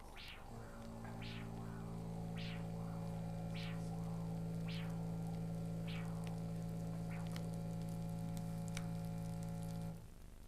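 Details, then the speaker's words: Ankle-brachial index exam: handheld Doppler probe on the left dorsalis pedis artery, rhythmic whooshing arterial pulses over a steady hum, about 50 a minute; pressure recorded 145 mmHg. "After I hear three good beats, I will slide back and mark the onset of the first strong beat for a pressure of 145 millimeters of mercury of the left ankle using the dorsalis pedus artery."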